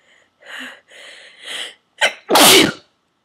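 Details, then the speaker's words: Sneezing fit induced with a plastic garment tag holder, part of a run of 16-17 forceful sneezes with eyes streaming. Quick breathy in-breaths build up to a single loud, forceful sneeze. "Sneezing so hard I'm literally crying. Oh. I have one more. It's coming."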